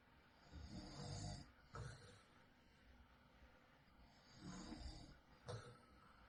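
Two rough, rattling breaths in, each followed by a snorting breath out, about 12 breaths a minute; ordinary snoring in sleep.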